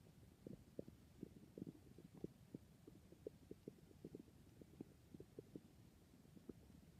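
Faint, rapid gurgling and bubbling pops over a quiet hiss; ordinary stomach growling.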